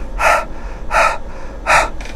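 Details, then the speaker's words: Three short, forceful open-mouth huffs about 0.75 s apart: a pediatric patient panting with an open glottis against the mouthpiece, wearing a nose clip with hands on cheeks, during body-box lung volume and airway resistance testing. "you're almost panting with an open epiglottis and nobody knows really how to do that but if you Huff and you make that noise you accomplished that"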